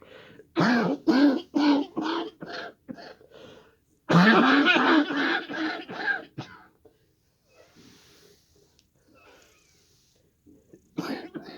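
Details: Adult coughing fit triggered by smoke from fireworks celebrations: two rapid runs of harsh, forceful coughs, a dozen or more bursts, then a final cough.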